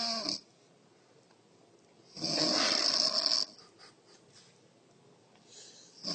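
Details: Mother snoring while her frightened child is comforted: a long, loud, rough breathing noise with shorter, fainter noisy breaths around it; snoring.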